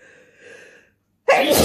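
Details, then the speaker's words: Messy, wet spray sneeze: a quiet moment, then the abrupt, forceful onset of a loud, spraying sneeze, cut off at the end. "Need like windshield wipers. These are some crazy wet sneezes."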